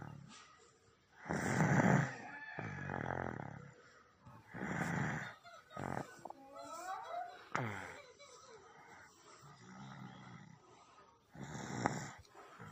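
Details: Sleeping baby snoring: soft, uneven, rattly snorts and grunting breaths with faint background noise, heard as harmless.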